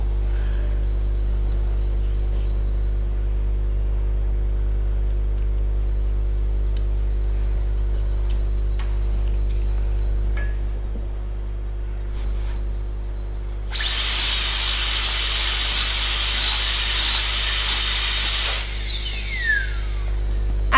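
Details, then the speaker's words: Low electrical hum, then a few seconds of high-pitched dental drill whine spinning down, a round burr cutting buccal and proximal ditch cuts (2/3 dentine, 1/3 enamel) for a mesially extended class 2 cavity. "So the ditch cut has to be prepared at the expense of 2/3 of dentine and 1/3 of enamel. So we can use a round burr and prepare the ditch cuts."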